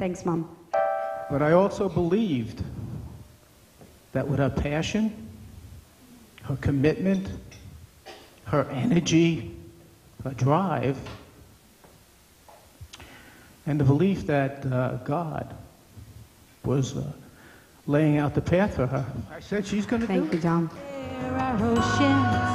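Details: Adult male speaker; no disorder.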